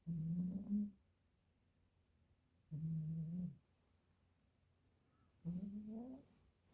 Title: Cat snoring. 😅